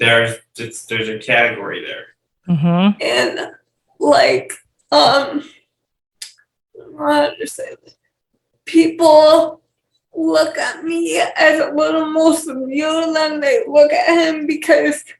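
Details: Dysarthria in a 28-year-old woman with cerebral palsy and speech issues.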